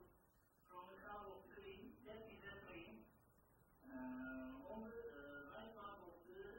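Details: Man with Wernicke's aphasia who speaks fluently without making sense and is unaware of his errors; Wernicke's aphasia (fluent jargon speech)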